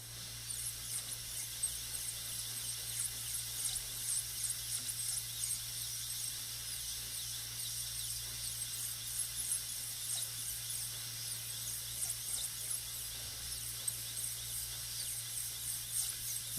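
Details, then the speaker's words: High-speed dental drill cutting a model tooth for full gold crown preparation, occlusal reduction; steady high-pitched whine with small pitch dips as it bites, over low room hum. "You want to get flat planes and make sure you reduce all the way to the cusp tip."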